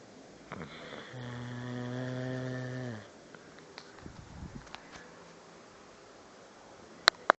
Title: Ojo Snoring Dog